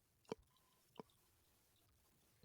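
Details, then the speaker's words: Two sharp, brief clicks about 0.7 seconds apart against quiet room noise: the speaker's own jaw clicking, a jaw joint click. "he my jaw clicking you can hear my jaw clicking"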